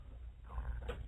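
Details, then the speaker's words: A brief, low, rumbling gurgle with a creaky, purr-like quality over room noise: stomach growling (borborygmi), which the adult speaker blames on too many doughnuts. "what was that sound that was my stomach wolf the one that was girl like that was a growling in my stomach gurgling yes I was from too many doughnuts"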